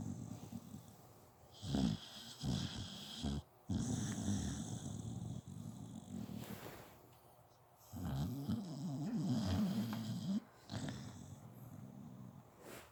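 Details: A sleeping dog snoring through the night: rapid, rough snorting breaths in bursts with short pauses.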